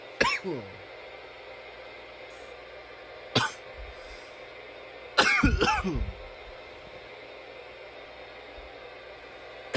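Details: From nearly 10 minutes of coughing: three separate cough bursts, the last a double cough, with quiet room noise between them.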